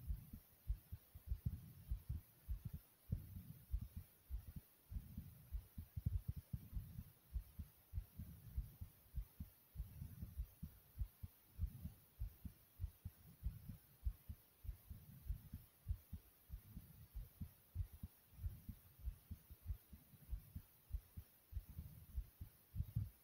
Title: Soft Pounding Heartbeat Sound ❤